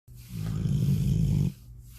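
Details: A single deep, rumbling, rattling breath lasting over a second, low and throaty; snoring.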